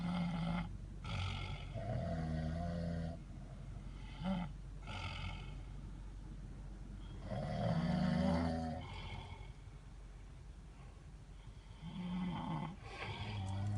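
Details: Person snoring while sleeping overnight in a car: loud, rough, rumbling breaths rising and falling over several breath cycles with steady background hum; snoring.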